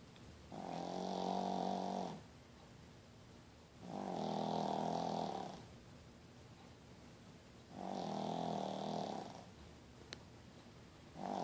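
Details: Rescued Pekingese dog snoring in sleep: regular, loud, rattling snores about every four seconds, roughly 16 a minute, with quiet gaps between.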